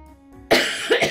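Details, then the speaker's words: Chesty cough from an adult still sick with a mucousy, chesty cough: a harsh cough burst with a short follow-on cough over soft background music. "now um I do still have a cough you will be hearing me cough throughout the stream I do apologize"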